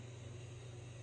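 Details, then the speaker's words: A mother with sleep apnea sleeps on her CPAP machine nearby, heard as a steady low hum with a soft airy hiss. "And I'm sorry if you can hear my mom's sleep apnea machine. I really wanted to film when she was not in there, but she was sleeping, and I have to go, and I had to get this stuff filmed for my week because I'm not really gonna have time otherwise."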